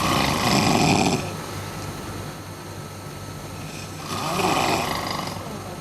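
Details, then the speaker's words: Adult man snoring: two loud, rough, rattling snores about four seconds apart, with quiet breathing between them. "Because as you can see there, Michael was raising the bar, and yet just came out and he came out, and I think you can also hear that there's a roaring snore there."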